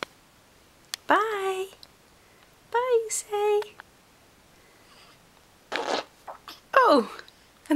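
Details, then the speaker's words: Recurring hiccups ("not again"): several abrupt, voiced gulping sounds spaced a second or two apart, some with a short squeak. "You got the hiccups? Oh dear. Not again."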